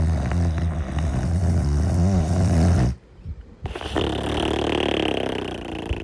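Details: Sleeping Golden Retriever snoring: a deep, fluttering low rumble on the breath, a brief quiet pause, then more rattling rumble.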